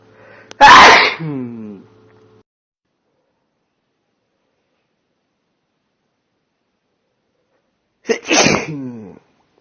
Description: compilation of loud male sneezes